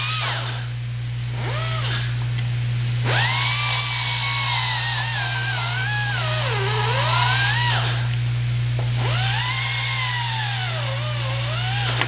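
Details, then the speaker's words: Whirring prophy angle handpiece rising and falling in pitch through several runs, with music underneath: prophy cup with pumice cleaning the buccal surfaces of two teeth before sealants. "the way that you want to do that is you're using pump mist with puffy cup and then we're going to go ahead and put sealants on these two teeth"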